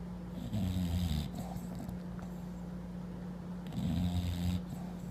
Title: Snoring Morrissey the bulldog - I'm finally on the bed. This is living. funny sleeping video